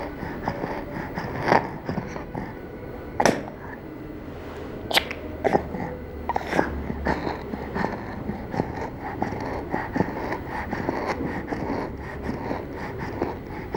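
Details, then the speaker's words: Child with noisy breathing and wheezing on breathing out: an expiratory wheeze, not stridor, which is a harsh sound on breathing in. "we heard a wheezing sound when breathing out therefore we decided that hassan did not have stridor stridor is a harsh sound on breathing in this child has wheeze when breathing out"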